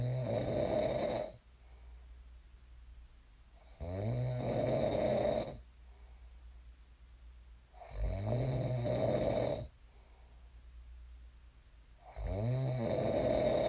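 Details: Sleep snoring recorded for ASMR: regular, loud, vibrating snores on each inhalation, about 15 a minute, with softer exhalations between; steady snoring in a sleeper who later woke up.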